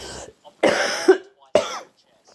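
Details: Cough during a stuffy head cold with a blocked nose, among induced sneezes and nose blows: two short, harsh, hoarse, throaty coughs, the first ending in a brief vocal catch.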